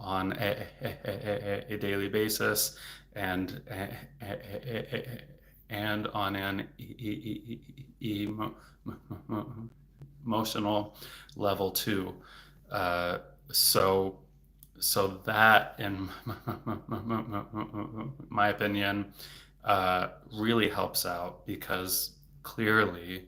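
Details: Adult male speech-language pathologist who has a stutter, speaking publicly in a livestream: stuttering.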